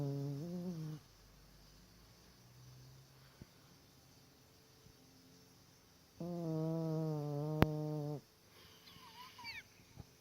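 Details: Sleeping dog with long, buzzy, tonal snores separated by quiet pauses of several seconds; snoring.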